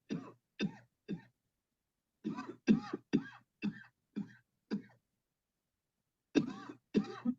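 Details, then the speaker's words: Voluntary coughing on command during a remotely guided coughing technique session after repeated deep breaths in and out: a string of short, forceful cough bursts with brief pauses. "Breathe in deep, deep, deep, cough."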